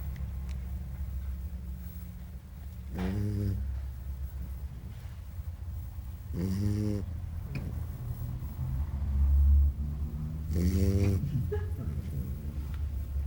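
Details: Three low, buzzing snores about 3.5 seconds apart, roughly 16 a minute, over a steady low hum; snoring.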